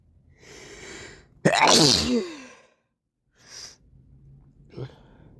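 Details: Morning sneezing with a snotty nose: an in-drawn breath, one loud forceful sneeze, then a short nasal sniff; a single sneeze with nasal congestion.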